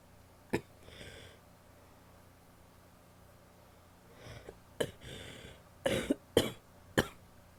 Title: wet coughs (f)